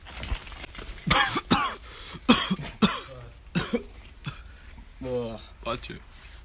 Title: Awesome cough #7